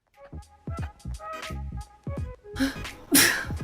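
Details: Compilation of Black women sneezing, with allergies mentioned: two sharp, forceful sneeze bursts near the end, with music playing underneath; sneezing.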